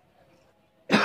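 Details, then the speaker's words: Single sharp, harsh irritant cough burst after a quiet room, from a person who says eating spicy instant seblak noodles made them cough this morning. "batuk hai Kyuhyun tadi abis nyoba Indah Seiki picek rumah rasanya bikin batuk pagi ini namanya Bos muda mereknya seblak.mie linear"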